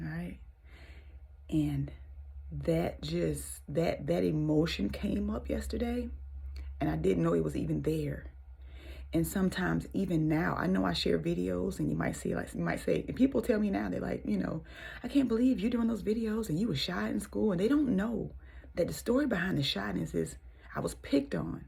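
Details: Stuttering in an adult woman, severe since childhood and now milder, worse when nervous or excited, with frequent hesitations.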